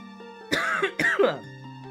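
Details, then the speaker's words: Two harsh, loose cough bursts from an adult over steady game music; the adult says they feel better but still have congestion: cough. "I'm feeling like better, but again, it's still, as you can hear by my coughing."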